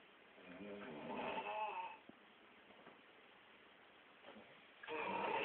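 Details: Rattling, fluttering snores from a sleeping man on breaths in, separated by quiet pauses, recorded at about five past ten: snoring.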